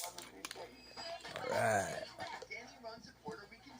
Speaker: The burps kind of taste like bubble gum.